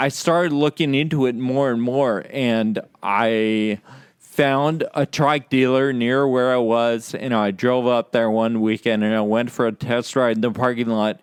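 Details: Real male patient with Friedreich's ataxia diagnosed at age 17, affecting muscle coordination including speech muscles and causing slurred speech; ataxic dysarthria.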